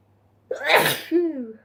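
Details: One forceful sneeze from a sneezing compilation: a sharp, noisy burst with a voiced trailing "choo"; an ordinary sneeze.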